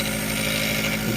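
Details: Steady loud mechanical hum and buzz of a running nebulizer compressor during a young child's nighttime nebulizer treatment at home.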